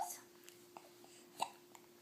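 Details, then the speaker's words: Quiet room with a few brief, abrupt catch sounds, one louder than the rest, from an almost six-week-old infant girl lying calmly in a rock and play; hiccups. "oh those hiccups oh I get hiccups all the time she says"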